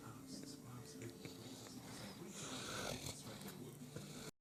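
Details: 9-month-old Aussie Bulldog snoozing after a big walk: rattling, snorting snore from a flat-faced dog, with talk and music in the background.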